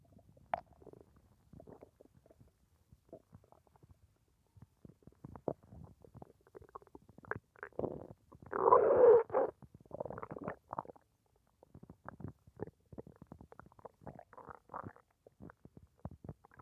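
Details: Frequent abdominal gurgles and clicks with a louder rumbling burst midway while digesting a lunch of rice, beans, pork and chicken; rumblings could be felt by hand; normal bowel sounds after a meal.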